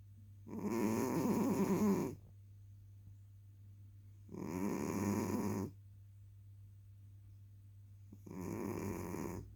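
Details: Three rattling, fluttering snores about 3 to 4 seconds apart over a low steady hum, roughly 16 breaths a minute; snoring during sleep.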